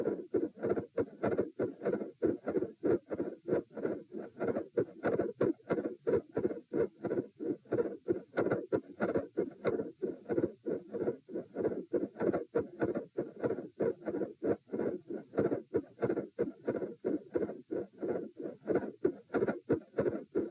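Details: Heart auscultation during a stress test at position M, with sitting, standing and lying phases at 90, 108 and 72 bpm; split S2 with a midsystolic murmur and electrical disturbance.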